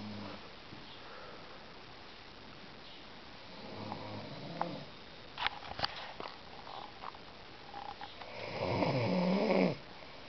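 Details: Little brother snoring while asleep: irregular noisy breathing with a couple of rattly snoring breaths, the last one loud, over a faint room hiss; ordinary snoring during sleep.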